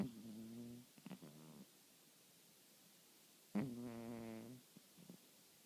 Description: My cat snores.... LOUDLY.